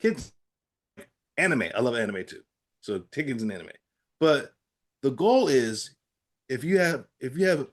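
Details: Adult man with aphasia after a stroke, in recovery with therapy-app practice; aphasia.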